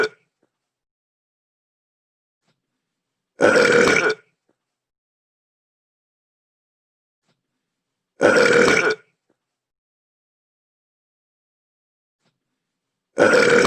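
Identical belch sounds repeating about every five seconds with silence between; a looped game sound effect of burping.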